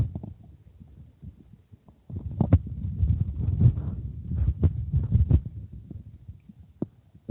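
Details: Stomach growling after drinking water: low, irregular rumbling and gurgling, louder in the middle with a few sharp squelches, ordinary borborygmi.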